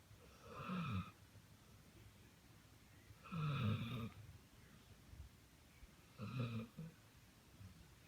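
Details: Soft, low rumbling snores, about three in eight seconds, against quiet room noise; ordinary snoring.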